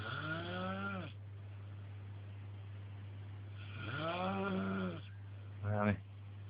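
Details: Snoring: two long, tonal, rattling breath sounds and a short third, over a steady low hum; snoring rather than wheeze.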